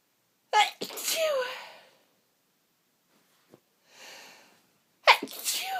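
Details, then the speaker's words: Bout of repeated sneezing amid false starts and stuck sneezes, person very sniffly with streaming eyes: two loud explosive sneezes a few seconds apart with sharp intake and breathy build-up between. "And it keeps teasing me with false starts, stuck sneezes, and I am very, very sniffly. I just need to sneeze. God, they feel so good."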